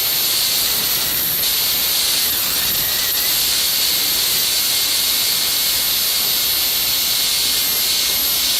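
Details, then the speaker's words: Steady high-pitched hiss and whine from a high-speed dental handpiece running continuously; it reduces the distobuccal cusp during occlusal reduction of a model mandibular molar for a full cast gold crown preparation. "Initially, you may find it easier, however, to tackle each component individually, since less of the guide groove remains to reduce this distolingual cusp."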